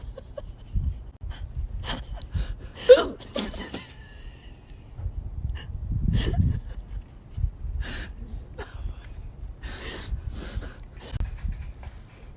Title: Hiccups while smoking